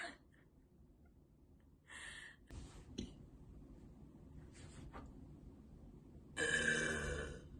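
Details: A female repeatedly burping deliberately: several throaty belching bursts ending in one longer, loud burp, with quiet room noise between; burping.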